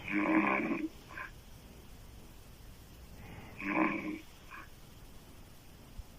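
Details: An adult woman snores loudly with her mouth open, described as sounding like a man: rough snores, each followed by a softer snort, about two in six seconds; heavy snoring.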